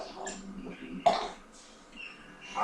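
One short, sharp cough-like burst amid quiet room sounds; a single cough or throat clearing.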